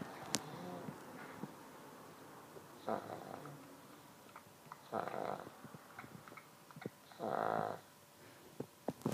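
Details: Sleeping person snoring: snorting snores on inhalation roughly every two seconds, separated by quiet breathing and small clicks.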